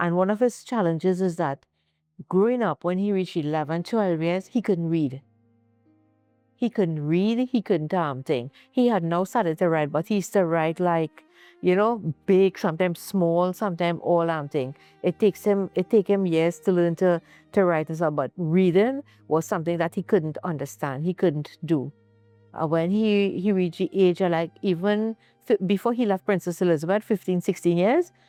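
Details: Adult woman narrating; ordinary speech.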